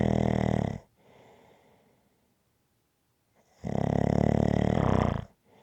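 Loud, regular, buzzing snores on each inhale, followed by a soft exhale and a pause; steady rhythmic snoring.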